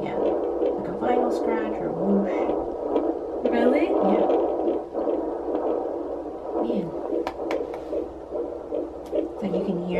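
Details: Fetal heartbeat on Doppler at 13 weeks of pregnancy, at a prenatal visit: rapid whooshing pulses with voices over them; rate reported as 152 and about 142 a minute; normal fetal heartbeat.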